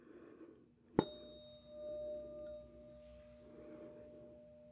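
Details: Roleplayed (simulated) Rinne hearing test: a struck tuning fork is placed on the mastoid process behind the ear, then moved next to the ear, on each side; a sustained tuning-fork tone.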